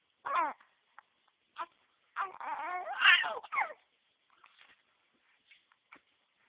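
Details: An infant nephew crying in short, fussy bursts broken by brief, abrupt catches consistent with hiccups.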